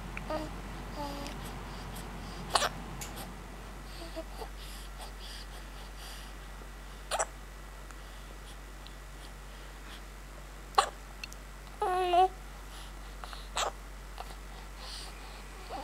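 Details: Baby girl with hiccups: about five short, sharp catches of breath over sixteen seconds, with a brief coo, in quiet room noise; hiccups.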